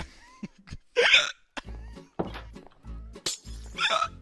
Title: ~|| Dream Being Cursed With Hiccups For About A Minute ||~